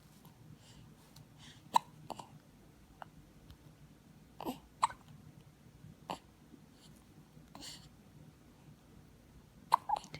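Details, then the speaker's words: Infant aged 9 weeks 6 days who still gets hiccups often: soft, abrupt catches of breath, about seven in ten seconds, in a quiet room. Infant hiccups. "mella is nine weeks and six days and she's still getting the hiccups all the time and I like them they're so cute"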